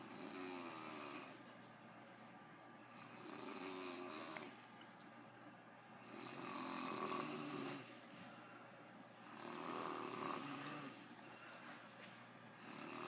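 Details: Father asleep, snoring: steady rattling snores on each in-breath, about 20 breaths a minute, in a quiet room; typical snoring.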